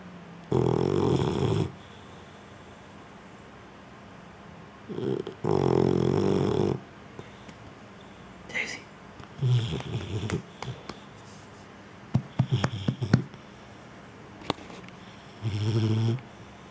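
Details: Boxer dog snoring on the couch: loud, low, rumbling snores several seconds apart, with soft snuffles and small household noises between.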